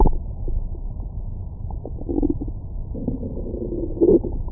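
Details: Belly recorded with a Stemoscope stethoscope microphone after a large meal: low gurgling and rumbling with a few squeaky tones. Ordinary bowel sounds of stomach growling after eating.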